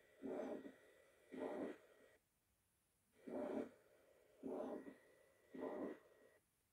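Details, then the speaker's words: Severe mitral regurgitation: loud, harsh, mid-frequency rectangular murmur filling all of systole at the apex, normal S1, single S2, and a third heart sound gallop in diastole. "the murmur of metal regurgitation is a mid frequency rectangular murmur taking up of all systole s1 is normal and s2 is single there is a third hertz sound gallop in diastole the murmur is caused by turbulent flow through the incompetent mitral wall leaflets into the left entry"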